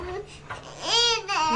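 A young child gives a brief, high-pitched wailing cry, ordinary fussing with no sign of distress.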